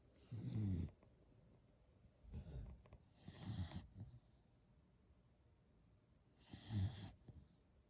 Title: Leeloo snoozin, beagle snoring